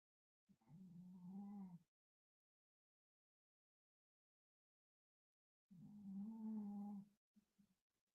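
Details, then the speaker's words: Two drawn-out, low, buzzing groan-like breaths about five seconds apart, with quiet between them: a dog snoring. "hi kid so sometimes when stuff like this happens I kind of like to go with it and I yeah like can you hear my dog snoring"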